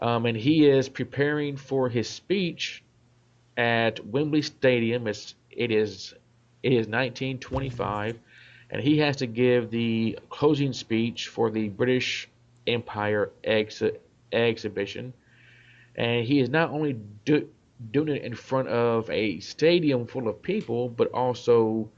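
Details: Adult man, self-described stutterer; part-word and whole-word repetitions; stuttering.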